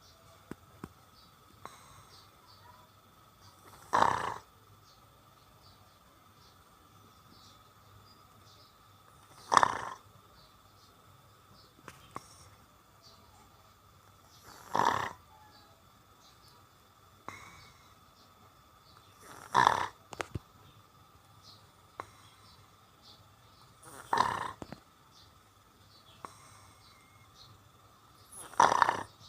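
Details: Loud, rasping snores from a sleeping dog, repeating regularly about 13 times a minute.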